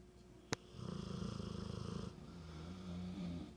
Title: Dog and Owner Snoring